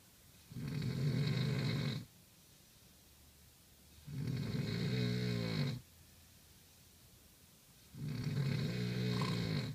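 Heavy, long rumbling snores lasting over a second each, three in ten seconds with quiet gaps; loud habitual snoring.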